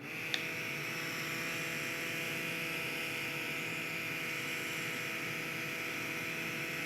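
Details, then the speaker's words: Electric infant nasal aspirator with three suction speeds switched on and demonstrated: brief click at switch-on, then a steady motor whine with a faint hum. "So I wanted you guys to actually hear and see what it sounds like. So it has 3 different speeds, and then you can also turn on the music as you saw me do, and it has 2 different volumes for the music."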